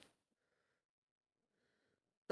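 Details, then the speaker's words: Adult male with a cold lying quietly in bed, suddenly sneezing a double: faint breathy intakes in a quiet room, then a sharp explosive sneeze burst; sneeze. "We were lying in the bed, he turned with his back to me, so I didn't really see his face, and we were super quiet, we weren't talking, and suddenly he sneezed a double."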